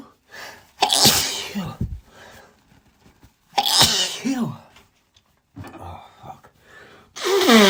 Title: Doggy allergy sneezes with some blows… some asked for blowing which I’m not into, but I tried for u